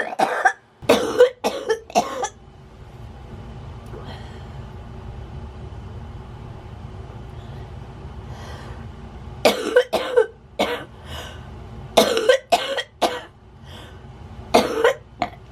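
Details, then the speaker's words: Morning coughing in a person with cystic fibrosis who has a feeding tube, before vest therapy and nebulizers: bouts of harsh, repeated coughs separated by a quiet pause with room hum. "Okay, now while I have a minute while I'm not coughing, next I am going to do my vest nebulizers, take my meds."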